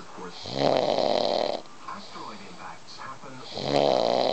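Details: Adult man snoring while sleeping next to a friend watching TV: two loud, rattling inspiratory snores with television softly in the background.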